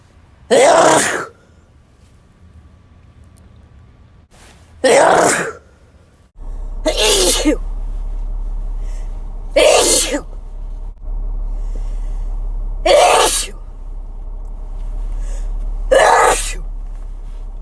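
Six loud, explosive sneezes from several people over about 17 seconds, with changing background noise between them.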